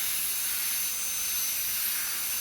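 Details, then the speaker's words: High-speed air-driven dental handpiece doing proximal reduction and rounding sharp margins of a primary molar on a typhodont model for stainless steel crown preparation: continuous steady high-pitched whine and hiss. "Along with the reduction, I am also roundening the surface, and any sharp margin of the tooth has to be rounded."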